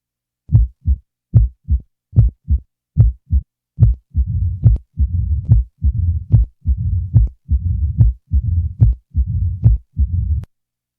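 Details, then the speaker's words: Mitral stenosis teaching example, about 72 a minute: a loud first sound is followed by a low, rumbling mid-diastolic murmur, which is introduced after the first few cycles. "the following example will present each feature of mitr stenosis AOW first sound is followed by a mid-diastolic murmur the murmur will be introduced after the first few Cycles"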